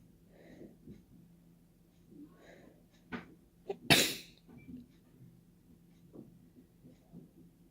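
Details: Deliberate open sneezing without a tissue, trying not to blow nose: a few soft breaths and catches build up to one loud, wet, open sneeze, followed by quiet breathing; sneezing.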